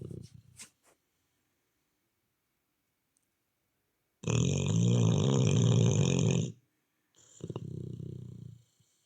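Loud, long rumbling snores with a fluttering rattle, two drawn-out breaths separated by a pause.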